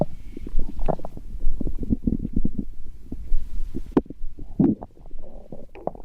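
Low, irregular gurgling and rumbling bursts of stomach growling, ordinary bowel sounds.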